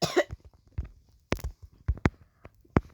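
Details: A child's acted cough in a classroom drama: several short, sharp bursts separated by pauses in a quiet room.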